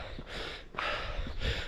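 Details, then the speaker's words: Exertional breathlessness in a formerly obese adult man who was struggling on a target-pace run: rapid, loud, airy breaths following one another closely, heavy panting just after stopping. "So yeah, struggling a little bit this morning. Thought I'd be alright because having a full day off yesterday, no exercise at all basically, apart from a bit of gardening, etc. But no, it's not to be."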